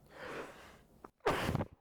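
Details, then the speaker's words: Adult, mid-lesson on blues playing, gives a big sneeze, then one more. "Oh. Oh, big sneeze there. One more."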